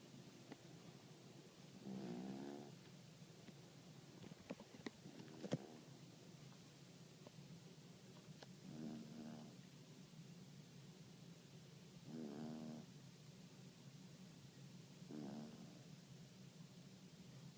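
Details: Yorkie snoring during a midday nap: soft snoring with four buzzing breath sounds spaced about three to four seconds apart, over a low steady hum and a few clicks.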